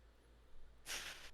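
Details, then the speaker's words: Female dog in a quiet room gives a sudden sharp nasal burst of air, described as a sneeze-snort; sneeze. "Oh, she sneeze-snorfed. She sneeze-snorfed."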